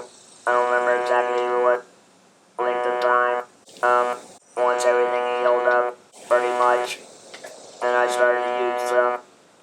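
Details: Electrolarynx speech from a man using a Servox electrolarynx for 19 years since laryngectomy.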